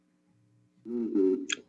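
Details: Spoken phrase heard through the chest wall on auscultation sounds muffled and indistinct; normal vocal resonance.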